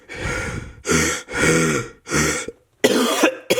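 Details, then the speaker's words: Adult man who has been very sick, raspy-voiced and wheezy when breathing in heavily, gives a run of about five harsh, rough coughs in quick succession. "anyway guys sorry if I sound a little bit raspy today I'll probably be editing out a lot of coughing coughing sounds like wheezing when I breathe in heavy"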